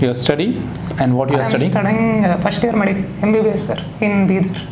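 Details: 20-year-old male medical student with a high-pitched, childish voice, recorded before voice therapy that reportedly deepened and stabilized his voice within 8 days; puberphonia.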